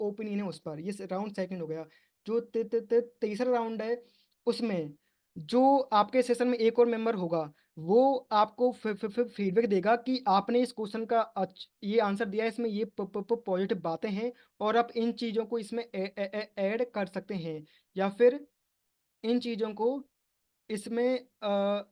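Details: Stuttering in a man speaking Hindi at an online stammering support group session, with part-word repetitions.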